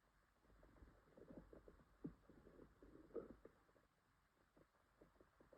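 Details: Quiet, irregular low gurgles and rumbles from a girl's belly during an upset stomach with stomachache and diarrhea: borborygmi, stomach growling.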